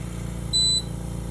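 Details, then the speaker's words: 5-liter oxygen concentrator showing red light meaning not working, flow meter setting suspected: single short high-pitched beep over steady low machine hum; oxygen concentrator alarm. "So we just got a red light on this lot. It's a red light because it shows that it's not working."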